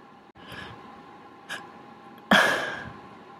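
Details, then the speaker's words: Deliberately induced sneeze in someone with a congested, runny nose: quick catching breaths, then one loud, explosive sneeze that trails off. "it's like I keep finding the spot and it tickles a lot it just won't come out it's making my nose run like crazy though"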